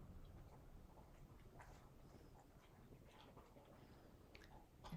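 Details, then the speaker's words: Abdominal exam by a nurse practitioner student, lying with knees up. Stethoscope over the abdomen picks up soft, irregular gurgles (normal rate stated as five to thirty a minute): normal bowel sounds. "we should be hearing normal bowel sounds are five to Thirty a minute high pitch would be significant of obstruction a little a decrease would be slow motility here's some gurgling of the pillage"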